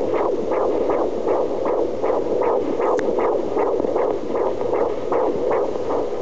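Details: Rapid, regular whooshing pulses over steady hiss at about 150 beats a minute: a fetal heartbeat heard on Doppler.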